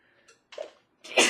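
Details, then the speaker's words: Adult sneeze during recording by someone who describes themself as a loud sneezer: a brief in-breath, then a single loud, explosive sneeze burst. "excuse me i know i'm such a loud sneezer sorry okay"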